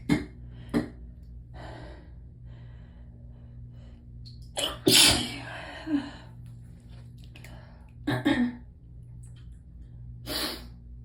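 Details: Sneezing fit with a bad tickle in the throat: several sharp sneezes with quick breaths drawn in between, over a steady low room hum.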